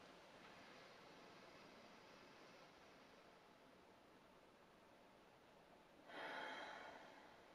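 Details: A faint slow breath in, a quiet pause, then a clear audible breath out: a physiotherapist demonstrating deep breathing with breath hold (thoracic expansion) from the active cycle of breathing technique for chest clearance.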